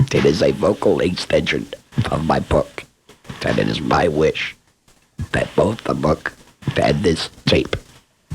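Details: Adult man speaking; esophageal speech after laryngectomy.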